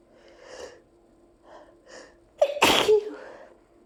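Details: Allergy sneezing set off by a nose tickle after opening windows on a hot summer day, with the tickle lasting two minutes: several quick breathy in-breaths, then one loud explosive sneeze with a voiced tail.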